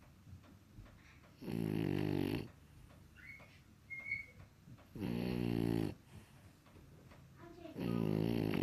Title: Snoring French Bulldog